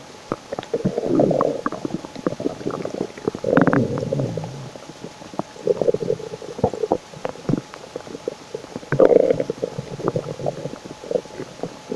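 Loud bubbling gurgles and rumbling growls recurring in waves over background hiss: stomach growling from normal digestion or hunger.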